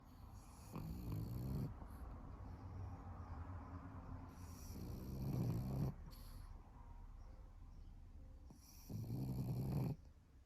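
Loud, rattling low snores recurring every few seconds over steady breathing noise; snoring in a flat-faced dog.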